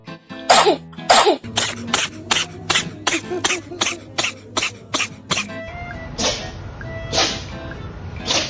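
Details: Cat sneezing wildly: two sharp sneezes, then a rapid run of about ten small sneezes or snorts that sound squeaky, over background music.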